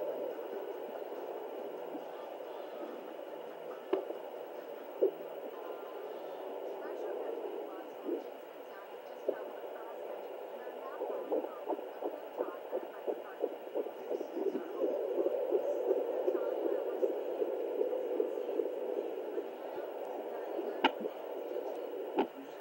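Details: Fetal hiccups at 32 weeks 6 days of pregnancy, heard on a home Doppler: sharp, spaced thumps over a whooshing fetal heartbeat near 170 a minute.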